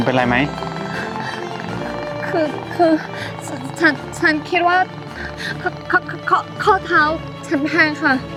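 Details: Acted stuttering by a female character in a comedy skit, said to be not from birth but from a lack of self-confidence; stuttering (acted).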